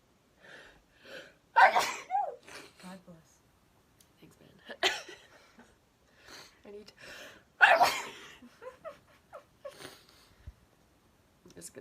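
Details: Three loud, explosive sneezes from different adults, each preceded by a quick breath in, with brief talk between; ordinary sneezing.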